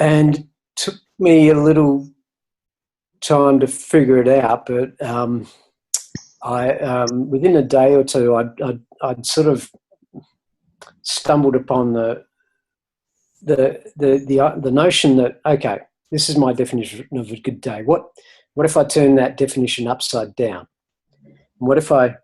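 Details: Stuttering in an adult male who has stuttered since about age eight and was a covert stutterer for decades; he reports it is now hardly ever noticeable after years of volunteering to speak and practising public speaking.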